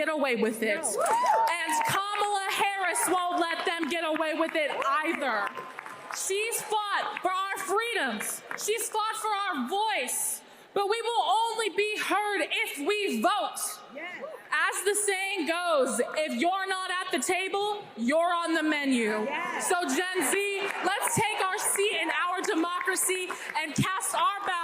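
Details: Adult woman speaking; normal voice.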